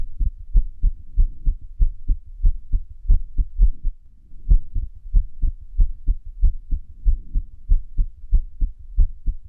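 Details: Irregular heartbeat (arrhythmia).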